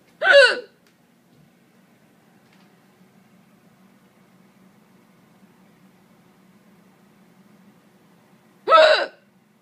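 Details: Person hiccuping while their cats seem unconcerned: two abrupt, voiced hiccups about eight seconds apart with near silence between; hiccups.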